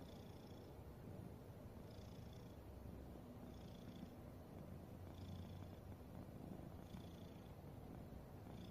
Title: My Cat snoring 😴😴📌 #catlovers #petlover #catsleeping #highlights